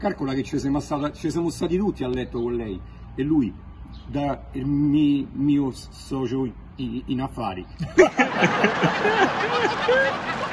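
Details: Imitated stuttering (acted, not real): a comedian portrays a stuttering character in Italian, repeating sounds and words.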